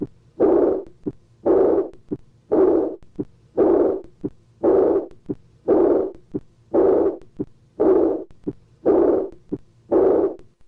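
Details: Regular heart cycles near 57 a minute with long blowing murmurs filling much of each beat: a systolic murmur plus an early diastolic blowing decrescendo murmur.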